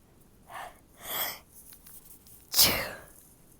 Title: Stifled sneezes